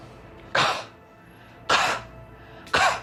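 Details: Three deliberate, forceful coughs about a second apart over soft music: a voluntary effective-cough exercise after deep breaths, for clearing phlegm in the elderly and pneumonia patients.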